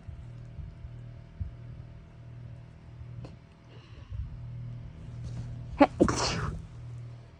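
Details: A single sneeze, a short intake then one explosive burst, over a steady low hum, from an itchy, bothered nose.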